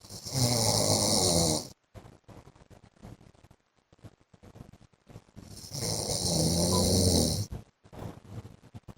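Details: Two loud, rough, rattling snores on the in-breath with quiet breathing between them, from an adult man asleep: heavy snoring.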